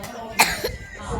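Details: A single sharp cough burst from a young child after eating a lot of ice cream, with background room noise.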